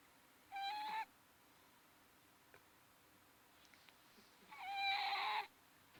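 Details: Pet cat sleeping, recorded by owner: two high, whistling tones about four seconds apart over quiet room hiss, whistling snoring.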